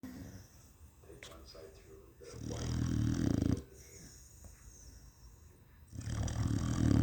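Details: Pet dog snoring away while asleep: deep, low rumbling snores on slow breaths, with quiet pauses between, in a small room.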